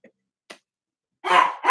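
Two faint clicks, then a loud, harsh, forceful cough burst from a small dog, fitting kennel cough.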